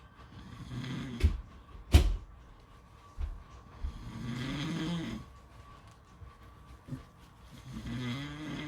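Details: Soft, uneven snoring breaths with a few knocks and clicks, recorded at a beach with a faint steady background hum.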